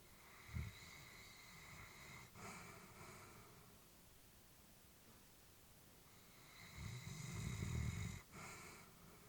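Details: Elderly female Labrador sleeping peacefully, with low rumbling snores and soft breathing between them; snoring, recorded while the family was worried about her.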